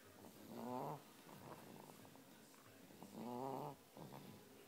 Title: Big snores